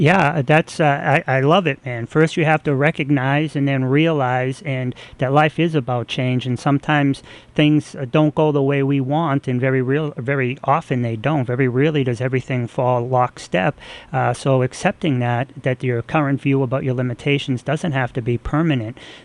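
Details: Adult male speaker; normal speech.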